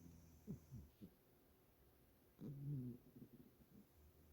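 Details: Siberian cat snoring loudly while sleeping soundly in this position, not overweight or sick: low, rattling snores with a longer grumbling breath in the middle, over quiet room noise.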